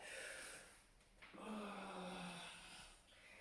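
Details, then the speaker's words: Resting dog snoring in the background of a home workout: soft, low rattling breaths with a faint drawn-out tone over quiet room sound. "Pull back, the dog is snoring, can you hear?"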